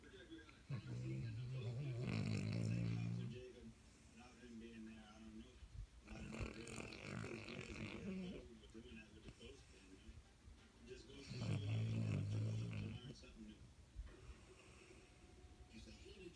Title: Snoring dog